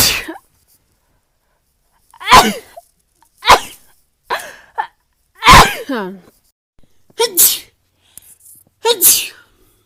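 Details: Seven sharp, voiced sneezes in quick succession, some with a short intake of breath before them, from a person in a compilation of rapid sneezes; repeated sneezing.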